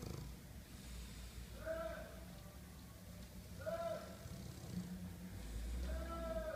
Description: French Bulldog Simba to snore 😄